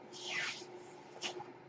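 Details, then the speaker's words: Soft airy hiss with a shorter puff after, over faint room hum, from the male podcaster's own ventilator, heard during his speech; a mechanical ventilator breath. "name is that noise he carries my ventilator"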